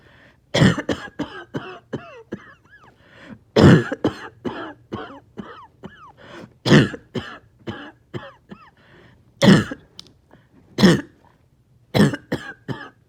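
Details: Repeated harsh coughing bursts in clusters, with gurgling throat-clearing and gagging between fits: a wet, productive cough bringing up phlegm after a breathing treatment, part of nearly 40 minutes of painful mucus elimination.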